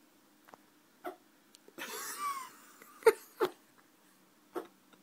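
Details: A male pet rabbit with hiccups: several short, sharp, jerky sounds at uneven intervals, with some rustling: hiccups.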